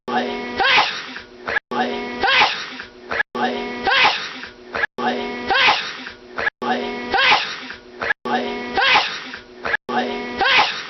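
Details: A person having a huge sneezing fit lasting about 10 minutes: seven identical-sounding voiced sneezes repeating steadily about every 1.6 seconds, as if looped; a prolonged run of sneezing.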